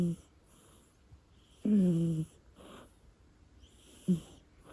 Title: Cat snores v2.0 😄